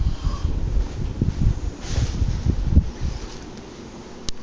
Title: Love is....snoring sensation